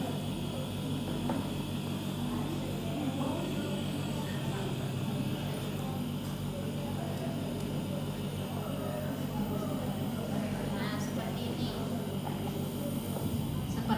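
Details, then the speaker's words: Steady mechanical hum and rattle of a nebulizer compressor running continuously while delivering mist, in a pediatric inhalation-therapy nursing lab demonstration. "Terus kemudian ini kita nyalakan. Kita pastikan uapnya ini ada ya."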